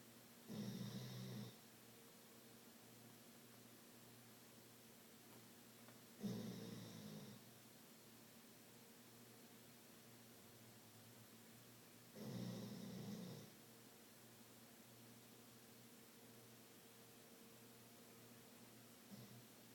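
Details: A Pitbull Boxer dog snoring in its sleep after a big day: three rumbling snores, about ten breaths a minute, in a quiet room.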